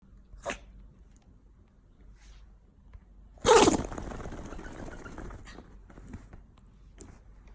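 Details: Female Pomeranian dog whose whole body shakes when she sneezes: a small sniff, then one sharp, forceful sneeze burst followed by snuffling; a normal dog sneeze.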